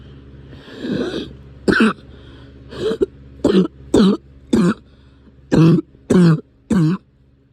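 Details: Cough returning after a break: about nine short, sharp coughs in separate bursts over several seconds, with low engine rumble behind; recurring cough.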